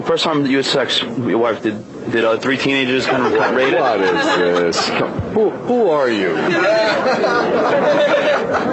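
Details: Adult man who has stuttered since second grade, asking interview questions; stuttering.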